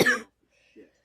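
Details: A single sharp, harsh adult cough followed by quiet with faint room noise; the cougher calls it an awful cough and excuses themselves.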